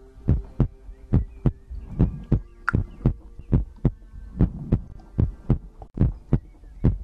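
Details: ASMR recording of a heartbeat with breathing, from a livestream compilation: steady paired lub-dub heart sounds at about 70 beats a minute with a faint steady hum behind; normal heartbeat.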